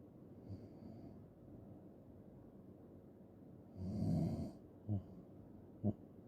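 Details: Loud ASMR snoring recording: one loud, rough, low snore on a single breath, then two short snorts over quiet breathing.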